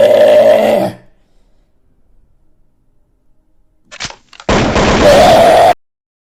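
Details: Livestream clip: two loud, drawn-out, throaty belches separated by a quiet pause; burping.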